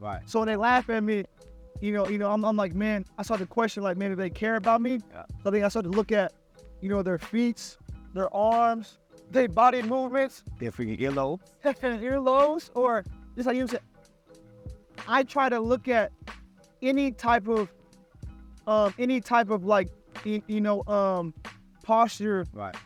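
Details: Stuttering in an adult man who stutters, speaking conversationally.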